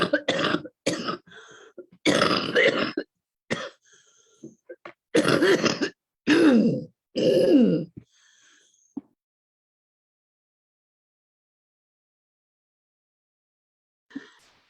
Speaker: That's the remnants of COVID clearing. So I'm glad for that coughing.